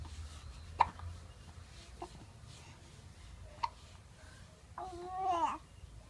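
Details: Two sharp, brief hiccups in a quiet room, followed by a short voiced babble; hiccups.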